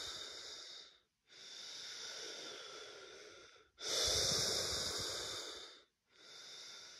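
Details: Person testing COVID-19 positive for the first time, breathing at rest with a chest that feels hard and a blocked-feeling trachea: long, loud, noisy laboured breaths in and out with brief pauses, about nine a minute.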